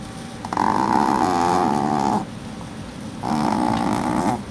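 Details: Sleeping puppy snoring: two long, loud, droning snores with a buzzing, moaning tone, separated by a brief quieter breath.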